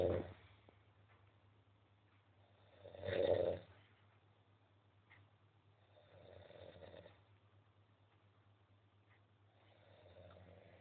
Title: snoring